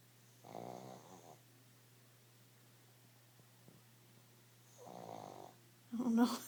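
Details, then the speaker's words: Sleeping dog, whose stomach was also growling loudly, gives two soft rattling snores a few seconds apart, ending in a louder snort; snoring. "don't know what's worse. You're snoring or the growling in your stomach."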